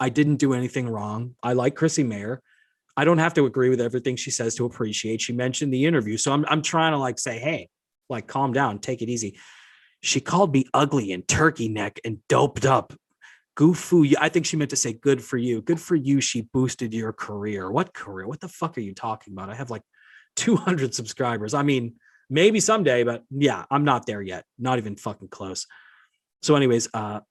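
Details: Adult man speaking; normal speech.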